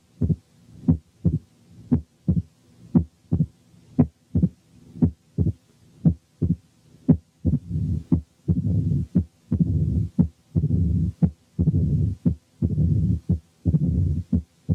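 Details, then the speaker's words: Mitral stenosis, heartbeat near 58/min: lying supine only an accentuated first sound is heard; while slowly turning onto the left side an opening snap, then a mid-diastolic rumble, then presystolic accentuation appear. "أولا والمريض نايم على ظهره هنسمع الساوندز بس والفيرست ساوند اكسنتويتد، وأثناء ما هو بيلف ببطء شديد عشان ينام على الجنب الشمال هتظهر الأوبننج سناب ثم الميد دايستوليك مامر ثم البري سيستوليك اكسنتويشن."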